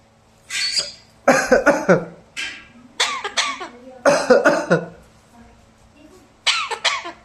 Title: pattua ko khaansi (cough) aa gya !!! #ytshorts #viral #shorts #talkingtom